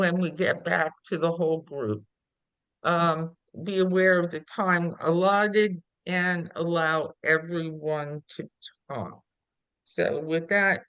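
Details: Adult speaker; typical voice.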